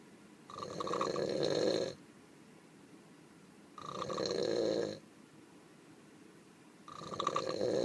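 Regular rough snoring from a sleeping donkey, each breath lasting about a second, with quiet pauses between.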